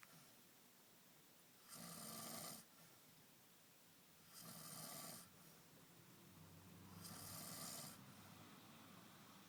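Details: Someone asleep in Fujiyoshida: three hissing, rattling snores about 2.5 seconds apart, each under a second long, over quiet room noise; ordinary snoring.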